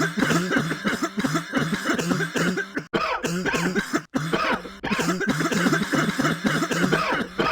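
Rapid, repeated harsh coughing bursts with throaty voiced catches, almost continuous with only brief pauses; a coughing fit.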